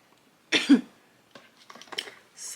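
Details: Adult cough after taking a hit of smoke (420 content) during a makeup session: one harsh cough burst, then faint shuffling and a breathy exhale.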